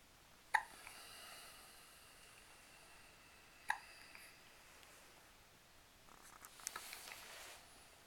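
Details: Two brief, sharp hiccups about three seconds apart in a quiet room, with faint rustling afterward, recorded while dad helps with burping.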